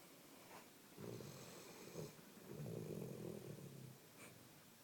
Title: Labrador snoring!